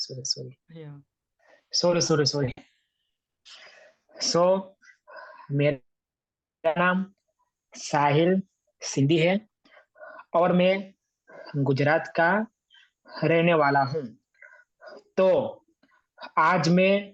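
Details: Man in an online stammering support group introducing himself in Hindi; word and part-word repetitions; stuttering.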